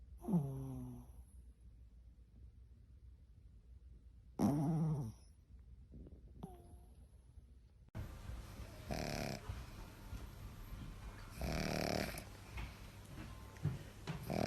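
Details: Dog snoring loudly while sleeping: a few snoring breaths with low rumbling noise and some whistly tones; noisier room sound later in the recording.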